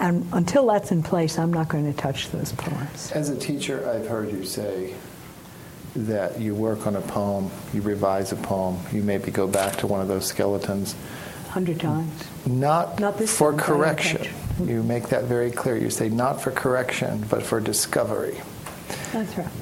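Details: Adult male speaker in conversation; normal speech.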